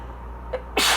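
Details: Person with pollen allergy reading aloud during an allergy fit: short indrawn breath, then a loud explosive sneeze.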